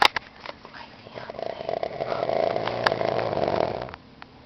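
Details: Man asleep, filmed by his fiancée: a single long, rattling snore that builds in loudness, then falls to quiet breathing: snoring.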